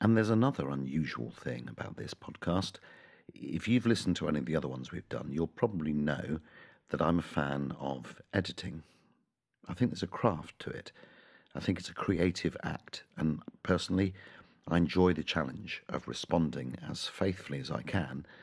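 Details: Adult man; normal speech.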